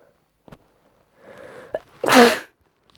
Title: Cold induced sneezing (F)